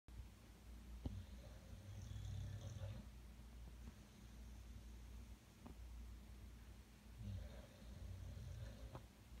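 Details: Pet dog snoring while asleep, which happens every night. Two slow, low rumbling snores on the in-breath about five seconds apart over steady room hum.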